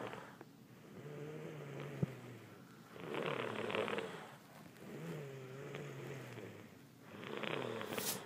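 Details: Quiet snoring from a sleeper who is sick, recorded in a hotel in Orlando: soft, slow alternating breaths with a humming, fluttering tone on one phase and rougher noise on the other.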